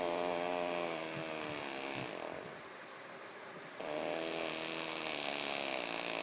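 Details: Heavy snoring: loud, rasping, buzzy snores fill the clip, with a brief quieter pause between two long noisy breaths.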